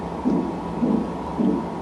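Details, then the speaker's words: Early pregnancy ultrasound at the doctor's, heart already visible on screen: three soft, regular whooshing pulses over steady machine hiss, an early fetal heartbeat. "Já se vê o coraçãozinho ali, não sei se vamos ouvir, mas vê-se."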